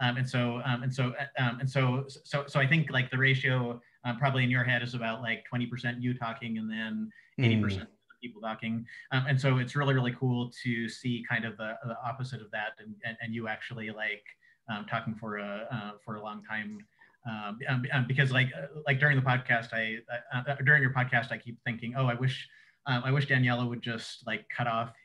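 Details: Adult male who says he has cluttering, a fluency disorder: cluttering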